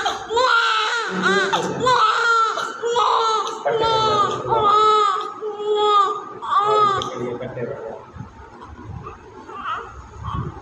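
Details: Newborn conceived by IVF, immediately after birth: strong repeated crying bursts about once a second, then fading whimpers with room noise, a vigorous newborn cry.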